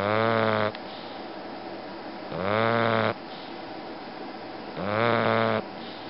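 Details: Sleeping bulldog snoring: three loud, rattling, voiced snores, about 24 per minute, each under a second, with quiet breathing between.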